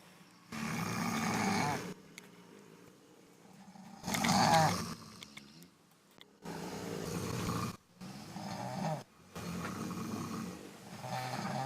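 Loud, rough snoring bursts about every three seconds with quiet gaps between them; heavy snoring in a staged sound effect.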